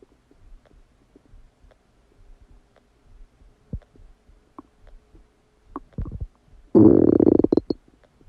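Irregular gurgles and clicks build to a loud rumbling burst, typical of active bowel sounds after a meal.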